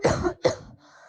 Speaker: for example here is a cough of a healthy individual and now here is a cough of an asymptomatic person with covid19